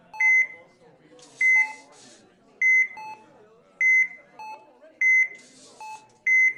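Regular high electronic monitor beeps, about 50 a minute, in a quiet hospital room with faint background voices.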